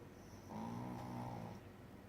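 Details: Sleeping dog on a lazy day: a single low, rumbling snore on an inward breath, with quiet room noise.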